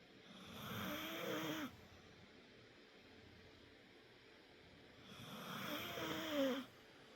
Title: Sleepy Snoring